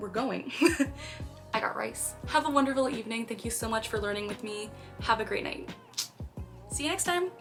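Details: Vocal tic in a 23-year-old woman diagnosed with Tourette syndrome at age 12, who has both motor and vocal tics, including the recurring phrase "i got rice" and repeated "hi hi".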